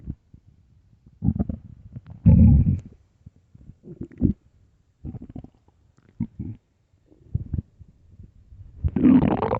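Repeated deep, rumbling gurgles with short pauses between them, the last one loud and long. Ordinary stomach growling on an empty stomach.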